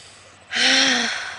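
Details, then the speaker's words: Quiet room, then one sudden loud voiced gasp about half a second long, imitating breathlessness, from a woman 31 weeks pregnant describing extreme shortness of breath over the past week. "31 weeks symptoms if you haven't been able to tell already I am extremely out of breath um this whole last week especially"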